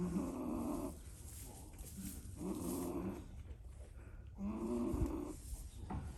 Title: Goat snoring🐐